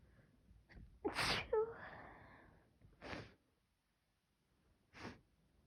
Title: Sneezing pt5 or 6 sniffles